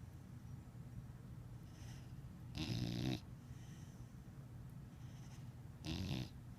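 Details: Dog sleeping, worn out after a weekend with the parents: short, snorting snores every few seconds, with steady low background noise between them.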